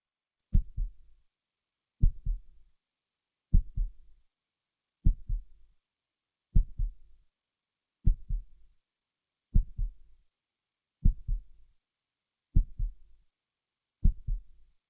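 Slow, steady heartbeat of about 40 beats a minute, each beat a low double thump.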